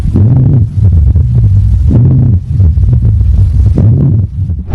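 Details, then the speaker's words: Rhonchi in a COPD patient who is a severe smoker: low-pitched, snoring-like rumbling heard through the stethoscope on the chest with each breath. "சோசிஓபிடி பேஷன்ட்ஸ்கு லிட்ரலா குரட்ட விடுற மாதிரி இருக்கும். இப்படிதான்."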